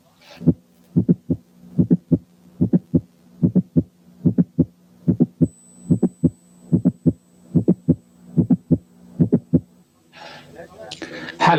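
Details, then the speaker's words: Mid-systolic click of mitral valve prolapse, heard at the apex with the stethoscope diaphragm; regular heart sounds near 73/min with an extra sharp click in systole. "حالة 2 كان ميد سيستوليك كليك في ماترال فالف برولابس."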